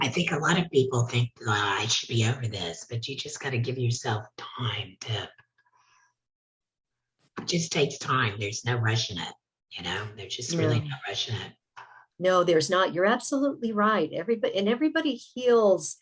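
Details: Alaryngeal speech from a laryngectomee; the speaking method is not stated.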